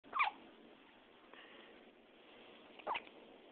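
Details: Two brief, sharp hiccups about three seconds apart in a quiet room, from a baby boy; infant hiccups.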